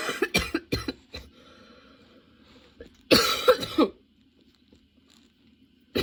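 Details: Sudden-onset, unexpectedly long nonstop coughing fit that kept worsening, bringing tears and constant position changes: repeated harsh cough bursts in two clusters with a short pause between; sustained coughing fit.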